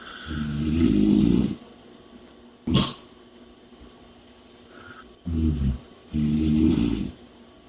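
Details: Loud, rattling in-breath snores alternating with quieter breathy exhalations in a slow repeating pattern; heavy snoring during sleep.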